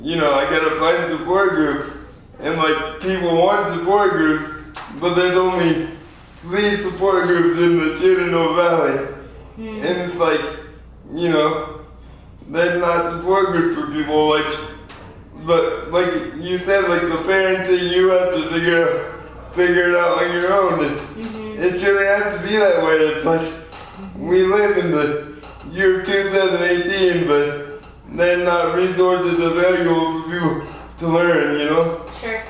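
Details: 24-year-old man with lifelong spastic quadriplegic cerebral palsy, born prematurely weighing 2 lb 4 oz; real patient; dysarthria (cerebral palsy).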